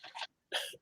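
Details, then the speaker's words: Adult woman who is ill: two short, harsh, breathy cough bursts separated by a brief pause, dry-sounding; cough. "Like I know when I'm gonna cough, and I just have to prepare myself. Oh, I know it. It does. I mean, I know it. I've been in a position when you cough, it just makes your whole chest Oh yeah, hurt. I'm rattling."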